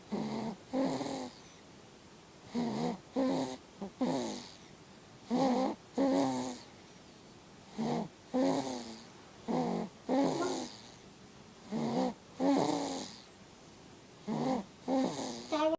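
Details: Sleeping baby snoring: rhythmic, paired rattling, tonal sounds on each breath, about 23 breaths a minute.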